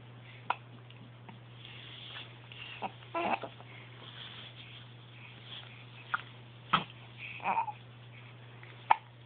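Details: 8-week-old infant hiccupping while smiling: repeated short, sharp catching sounds at irregular intervals, about six in nine seconds, over a steady low hum; hiccups.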